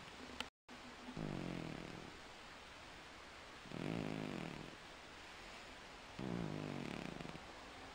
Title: My Snoring Senior Cat Miez Miez keeps an afternoon nap - Dinner will be served next